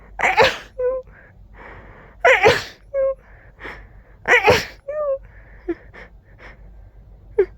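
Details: Three forceful sneezes in quick succession, each with a sharp gasp before and short vocal sounds between; powerful, intense sneezing fit.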